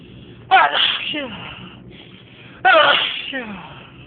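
Two sharp voiced sneezes about two seconds apart, each trailing into a falling voiced exhale; repeated sneezing.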